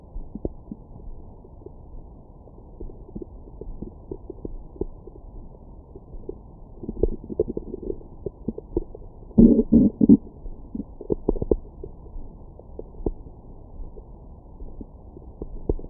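Muffled, irregular low gurgles and rumbles from the belly, with a louder burst midway; normal stomach growling after eating.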